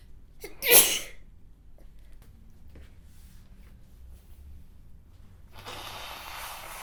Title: Mitsuha's sneezing while reading aloud (Sample, 4K Quality)